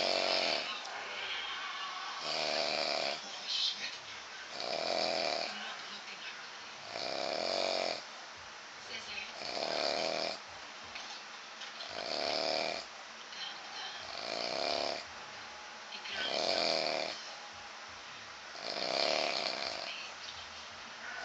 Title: His snore sound like a herb of animals 9/15/2011